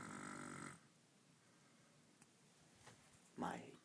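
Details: Sleeping man snoring while being told to stop; a rough, rattling inward snore, then quiet breathing and a second snore starting, in a small room: snoring.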